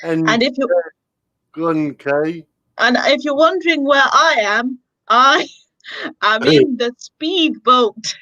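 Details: Young female speaker; speech.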